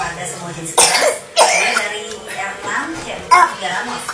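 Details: A child coughs three times in short, sharp bursts, with voiced sounds between them. The cough is described as funny.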